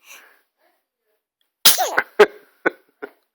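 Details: An infant boy sneezes twice, with a sudden burst and rising squeak, then short expulsive puffs, before smiling and babbling for his father.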